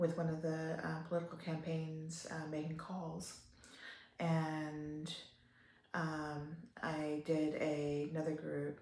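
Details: Adult woman with upper motor neuron onset ALS, a slow progressor almost 3 years into the disease, with worsening spasticity and breathing episodes; trying to talk louder and expects to lose her voice; dysarthria in ALS (upper motor neuron onset).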